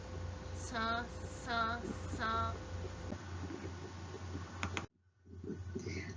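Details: Nose-holding test for nasal air emission on syllables or sentences loaded with high-pressure sounds; an increase in oral pressure when the nose is closed suggests nasal air emission.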